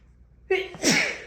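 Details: Morning allergy sneeze, described as strong this morning: a quick indrawn breath, then one sharp, explosive sneeze in a quiet room.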